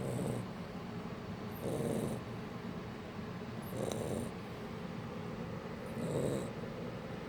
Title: Shar pei puppy - Mushu's cute snore part 2